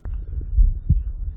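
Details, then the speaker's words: Person's own heartbeat recorded with an Echo stethoscope and amplified in editing software: one dull, deep, muffled lub-dub with low rumbling hum behind it; single heartbeat pulse. "It sounds like the pulse starts right about here, and let's zoom in so we can really get it exactly where the sound waves begin."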